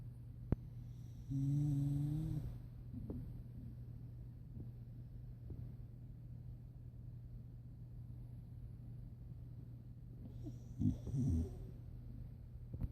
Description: My pit bull Chaplain snores when he sleeps.